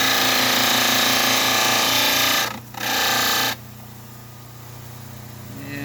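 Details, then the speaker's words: Dental model trimmer cutting a final diagnostic cast along the canine-to-first-molar line, leaving a few millimetres of vestibule: loud steady motor whine with grinding rasp, a brief dip, then winding down. "So we'll line up on that, being careful not to trim our entire vestibule away. We want to leave a few millimeters beyond that, and then we'll do the same on the opposite side."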